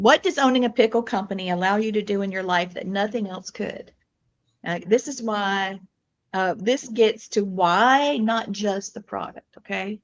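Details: Adult speakers in conversation; ordinary speech.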